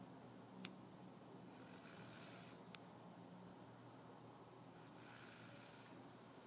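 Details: Sleeping puppy snoring hard: soft, hissy, rasping breaths, two noisy breath cycles about three and a half seconds apart.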